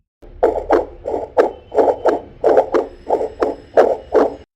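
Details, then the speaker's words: Regular rhythmic whooshing heartbeat pulses played through the speaker of a handheld pocket fetal Doppler, demonstrated in a product unboxing; the device can pick up anyone's heartbeat. "सुना आपने कुछ इसी type से आपको heart beat सुनाई देगी।"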